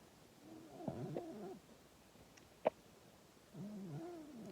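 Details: Female cat asleep, snoring loudly enough to wake her owner: soft, rumbling, nasal snores, two breaths heard with a quiet pause between.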